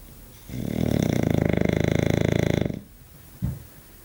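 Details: English bulldog snoring, pig-like; snoring.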